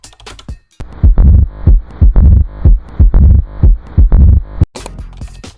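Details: Mitral stenosis murmur.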